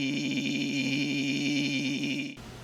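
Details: Diplophonia, a type of rough hoarseness: irregular air leak at the vocal cords with two sounds heard at once.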